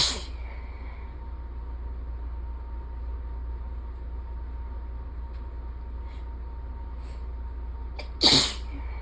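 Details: Person's sneezes that gradually intensify and change from beginning to end of the series; sneezing.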